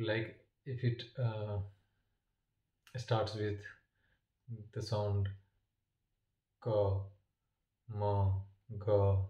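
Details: Adult man who stammers, with long pauses and blocks between words, which he attributes to failing to exhale on time and lips or tongue getting stuck; stuttering.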